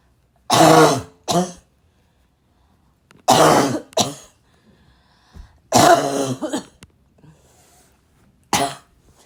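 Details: Girl with harsh, raspy, barking-type cough: coughs in pairs with throat clearing, four bouts with quiet gaps between; real raspy cough.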